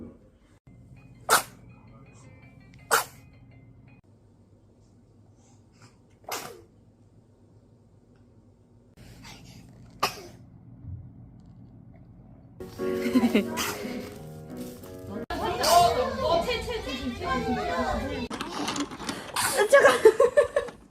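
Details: A baby gives four short, sharp sneezes, followed by music and voices.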